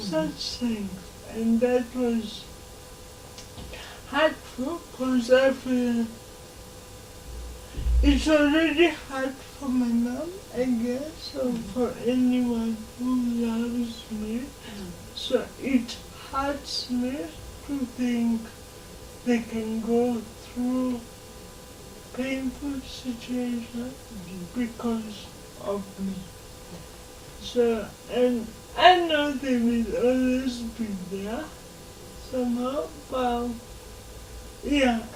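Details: Dysarthria in a 27-year-old woman who has lived all her life with cerebral palsy.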